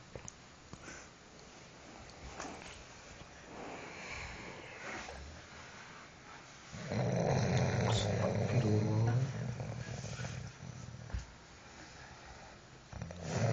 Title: the best snoring ever part III.mp4